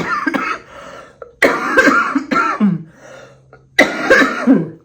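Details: Adult with stage 4 metastatic cancer on chemotherapy and with a current respiratory infection: a run of about four harsh, loose coughs with breathy gasps between; coughing fit.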